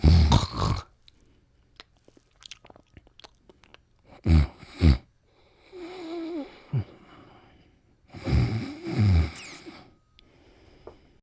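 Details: Snoring while asleep and dreaming: rough, low snorting snores every few seconds, about 14 a minute, with soft whimpers between them.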